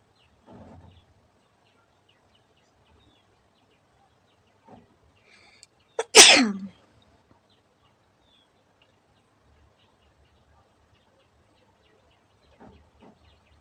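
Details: A single sharp, forceful sneeze with a brief in-breath before it and quiet rustling, deliberately set off by poking the nose with a stick during a sneezing challenge; sneeze.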